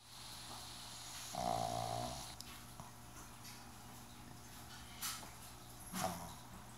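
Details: A pug asleep with his head resting on a table's edge: one clear, buzzy snore on an in-breath, then two softer snuffling breaths over faint room hum; snoring.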